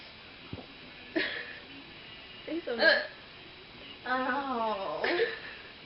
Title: Drunken Hiccups